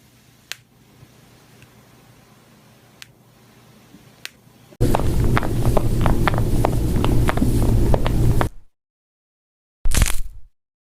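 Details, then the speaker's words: Cracking and popping of the knee, neck, elbow and shoulder: sharp isolated pops, then a noisy run of rapid clicks. Joint crepitus, described as harmless if painless with normal range of motion. "السؤال اللي بيطرح نفسه هون هل هذه الاصوات بتدل على مشكل موجود بالمفصل او لا جواب اكيد لا"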